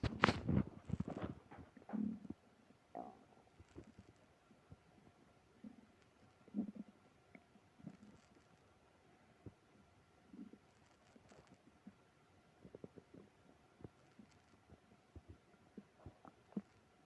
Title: tummy trouble after eating ice cream (stomach growling, moaning)